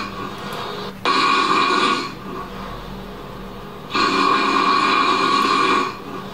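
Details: Two loud, rasping snores with a buzzing, fluttering tone, typical of snoring through a narrowed airway; obstructive snoring.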